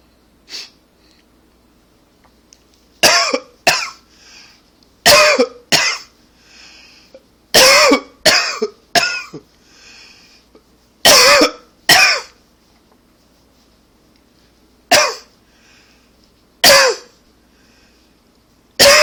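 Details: Forceful, harsh coughs in bursts of two or three, with breathy inhalations between, performed on request: hard coughing.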